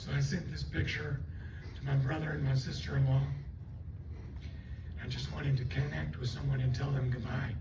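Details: Adult woman after stroke with left vocal cord paralysis and one working cord; the cords do not seal, so she takes breaths while talking. She also has swallowing loss and left facial paralysis. Dysphonia from unilateral vocal cord paralysis.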